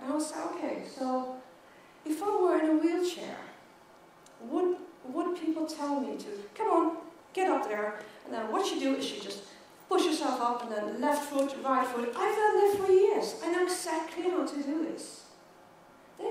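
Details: Adult woman who has stuttered since age 9, with blocks; stuttering.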